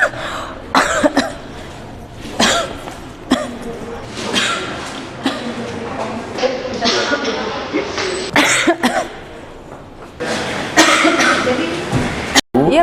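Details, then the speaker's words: Several loud coughs without covering the mouth, over a noisy room with voices: an acted example of improper coughing in a hospital cough-etiquette demonstration. "Pak batuknya tidak boleh seperti itu ya Bu ya kita mempunyai etika batuk yang benar karena dapat menularkan penyakit yang ada di lingkungan sekitar Ibu"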